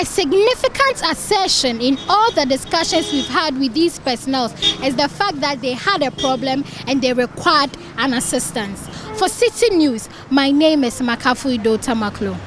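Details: Adult reporter; Fluent speech.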